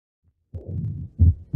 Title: Semiologia: Ausculta Cardíaca - Estenose mitral